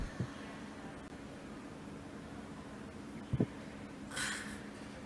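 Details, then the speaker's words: Agonal breathing (gasping) in cardiac arrest, played in a CPR training class: isolated, brief snorting gasps separated by long silent pauses that grow further apart; not effective respiration and not to be mistaken for normal breathing. "Puede haber convulsiones. Ese es el gasping. Esa es la respiración agónica. Las bocanadas se van espaciando."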